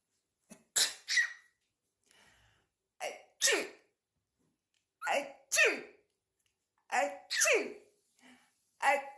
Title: AAaachoo sneeze sneeze🤣🤣🤣🤣🤣